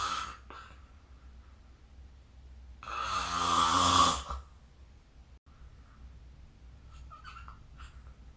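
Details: Snoring during sleep, recorded on 2025/03/26.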